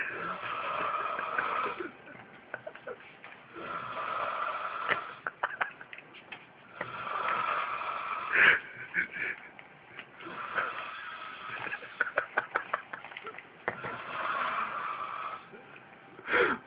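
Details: Person snoring like a 70-year-old: loud, rough snores on each inhalation, about four cycles, with snorting and rattling between; heavy snoring.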